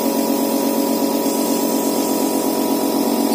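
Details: Electric medical suction pump running in a biomedical demonstration: steady mechanical hum with rapid regular pulsing, about two per second; medical suction pump running.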